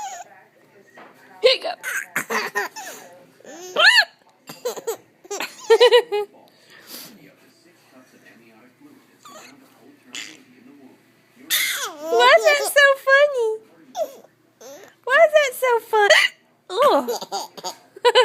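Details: Mother's hiccups: sharp, brief catching sounds amid an infant's bright laughter at them and the mother's voice talking to the baby.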